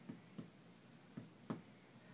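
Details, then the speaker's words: Chest percussion over the left chest following the intercostal spaces: four short taps, the note changing to a solid dull sound over the heart, normal cardiac dullness, heart not enlarged. "Did you hear the change? Yes. Solid. His heart is not enlarged. How do we know? The change in sound."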